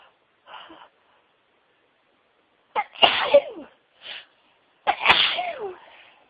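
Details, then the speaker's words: Soft in-breath, then two forceful sneezes with a smaller sniff between, in a quiet room, from a woman sneezing all day at work and still at home; sneezing fit. "Oh, come on. Oh, dear. I'm not done. Excuse me. I've been sneezing all day."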